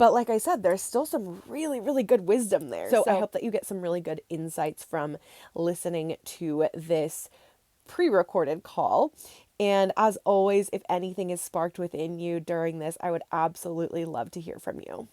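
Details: Adult woman; Normal speech.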